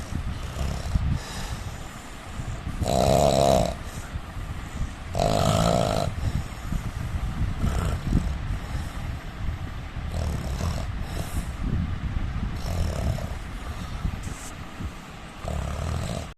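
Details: Adult Indian man snoring: loud, rough, low snores recurring with each breath, quieter breathing between; ordinary snoring.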